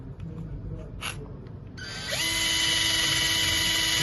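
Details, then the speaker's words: Powered surgical drill boring the implant hole through a patient-specific drill guide during a workshop demonstration of Episealer custom trochlear replacement for a focal knee cartilage lesion; steady high-pitched motor whine. "now what happens now is that you will use the full drill and drill the hole for the"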